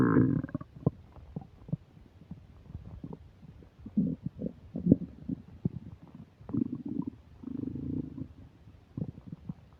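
Irregular gurgles, clicks and longer low rumbles from the belly, some bubbling and drawn out, typical of active bowel sounds: borborygmi with upset digestion.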